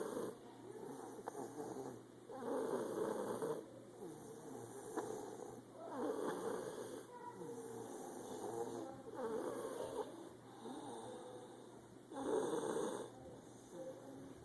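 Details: Steady rhythmic sleep snoring, about 18 breaths a minute, each breath a soft rattling snore; ordinary snoring.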